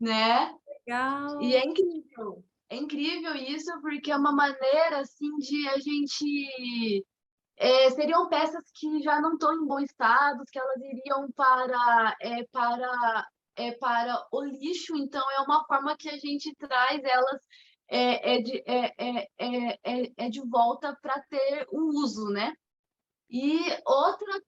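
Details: 25-year-old woman, Portuguese speaker, with mild stuttering beginning around age two and a half to three; stuttering.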